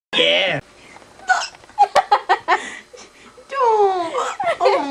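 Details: Hiccups interrupting uncontrolled laughing: bouts of loud laughter broken by a run of short, sharp, abrupt voiced catches; hiccups.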